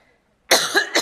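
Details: Cough from an adult woman during a public speech: a single short, harsh cough burst after a moment of quiet, with a brief follow-on sound, while she is speaking.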